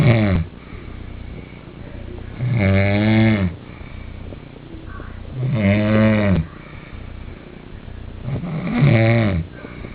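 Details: A sleeping person, recorded by someone else, gives loud, regular snores roughly every three seconds, about 20 a minute, with quiet breathing between them: ordinary snoring.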